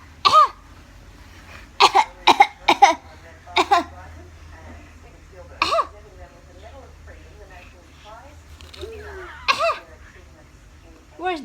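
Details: Infant's voluntary fake cough: about eight short, voiced cough-like bursts on purpose mixed with babbling, harmless imitated cough.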